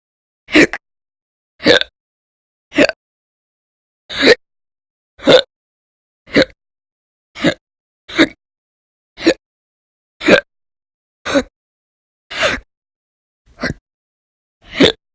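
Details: Repeated forceful hiccups, recorded January 2020, from episodes described as violent and loud lasting many hours a day: fourteen abrupt, loud gulping bursts at about one a second, separated by silence.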